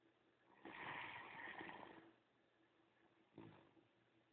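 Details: Adopted greying female Great Dane, former breeder dog, sleeping: a long, rough, noisy breath followed by a shorter one over a steady low hum; snoring.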